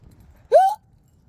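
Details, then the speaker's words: A single abrupt, voiced hiccup with a quick rising pitch, from an adult walking home outdoors during a run of persistent, uncontrollable hiccup spasms. "people know when I'm in the room all it is because they could just follow the sound of my hiccups"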